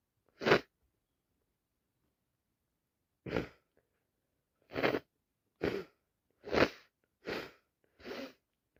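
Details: Adult with a bad head cold who can't stop sneezing: seven wet-sounding sneezes, one alone then a rapid run of six.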